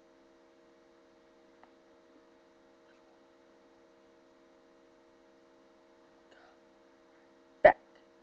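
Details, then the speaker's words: Self-induced joint cracking: a faint click, then after a quiet pause one sharp, loud pop. "What's up, fellow YouTubers? I'm going to do a video on cracking the joints."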